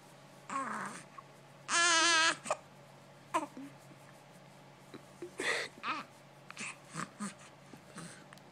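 Soft grunts, brief whimpers and one short cry-like squeal over a steady room hum; a baby making noises in sleep.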